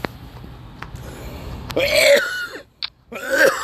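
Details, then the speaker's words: Adult man coughing. He says he struggles when coughing and that his cough is different now. He remarks both that there was no mucus and that mucus could be heard. Dry cough. "unfortunately even though I was coughing there you could hear the mucus but you could hear me struggling and it's because my cough is different now"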